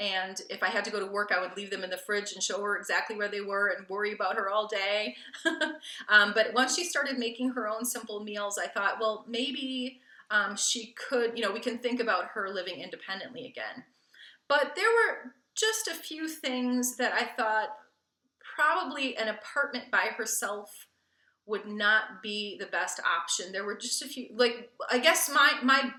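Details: Adult woman speaking; Normal fluent speech.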